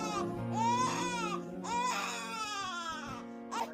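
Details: An infant brought to a chiropractor for gas that has been getting worse, especially after feedings, cries in loud rising wails with brief pauses over background music.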